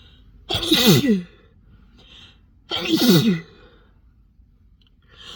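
Two loud sneezes, each a sharp voiced burst with a breathy release, separated by quiet room noise.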